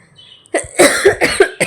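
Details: Adult woman with fever, cough and hoarse voice, hospitalized overnight with saline and injection: after a brief quiet moment, a quick run of about five harsh, closely spaced coughs; repeated coughing.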